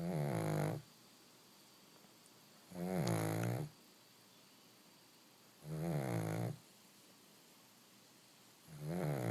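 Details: Baby pug puppy napping: regular rumbling snores about every three seconds, roughly 20 a minute, with quiet pauses between; snoring.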